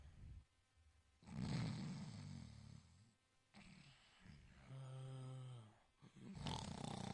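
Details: Sleeping kitten snoring: repeated low, rumbling, rattly breaths with a buzzy tone, loud for a small animal.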